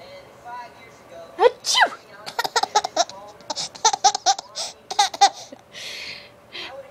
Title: Sneezes and laughing